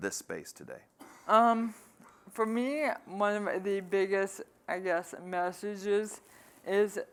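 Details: Man living with ALS who says his speech isn't great. Dysarthria (ALS).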